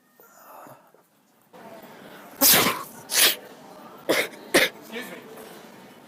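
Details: Staged sneezes during a prank, where people pretend to sneeze on others while spraying them with a spray bottle: four loud, explosive sneezes in quick succession over low room noise.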